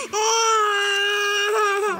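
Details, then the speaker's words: An approximately eight-month-old baby girl gives a single sustained, high-pitched wail, a pain cry right after an intramuscular injection in the lower back/buttock area in hospital. "यहां पर देख सकते हैं जो बच्चा है व रो रही है"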